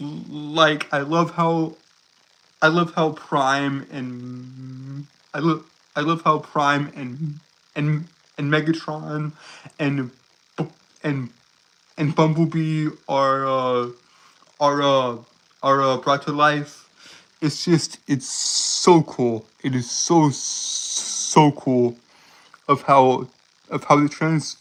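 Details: Stuttering in a male streamer who says he has a speech impediment causing him to stutter, trip over and repeat words; this stretch has repeated words and phrases.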